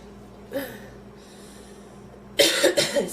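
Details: Woman who inhaled part of a sandwich and felt she would choke, still feeling food in her windpipe and lightheaded: one throaty cough then a quick run of harsh, forceful coughs, a coughing fit after food aspiration.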